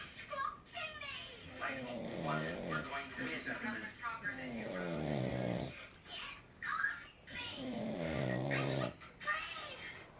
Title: Sleepy man snoring